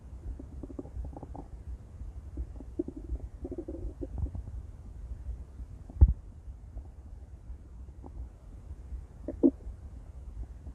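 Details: Intense stomach growling from a female: low gurgling and rumbling bowel sounds with a couple of louder pops; borborygmi.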